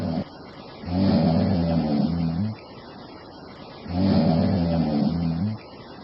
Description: This sleeping lady snores a bit. / And then her snoring turns her into a bit of monster.